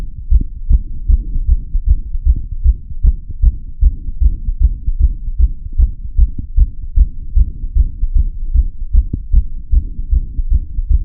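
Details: Steady, regular, low thumping heart sounds in paired beats at about 75 a minute, recorded through a stethoscope with audio tweaks: a regular heartbeat.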